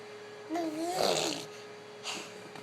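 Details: Habitual sneeze, the same pattern since his first sneeze: a voiced build-up into a single sharp sneeze burst, then a softer follow-on sound, over steady room hum.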